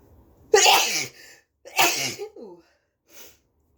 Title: Huge double sneeze and a snotty blow 🤧